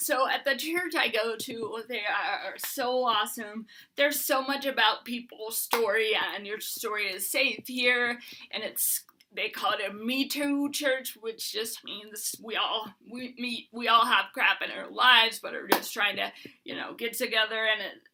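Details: Adult woman with Huntington's disease who uses a bed setup to prevent falls and is getting a service dog; Huntington's disease speech (hyperkinetic dysarthria).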